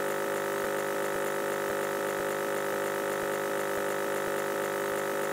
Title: WRONG WHITE NOISE | Irregular Nebulizer sound | EXPERIMENTAL!!